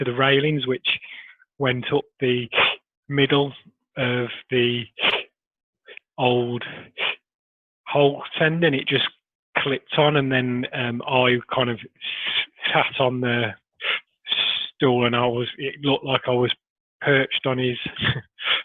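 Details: Adult man who stammers; stuttering.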